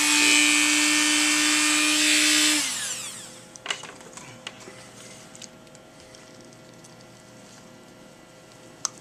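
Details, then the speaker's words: Dental handpiece whines for about three seconds, then faint clicks, while trimming the high left side of a Gelb/ALF oral appliance for a 29-year-old man with 40 tics; the left side hits harder and sooner than the right. "t side hits much harder and sooner than the right side and so we're just going to trim that down"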